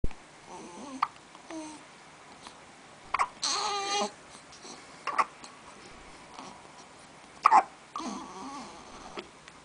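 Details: Two children take turns hiccuping: short, sharp voiced catches every couple of seconds among a child's babbling and a brief cry.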